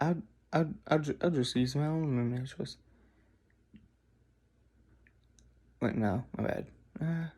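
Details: Adult who says they stutter tremendously when off camera, with word repetitions in running speech; stuttering.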